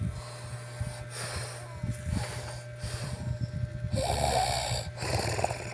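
Rough, snorting breaths repeat unevenly over steady low room hum, consistent with snoring.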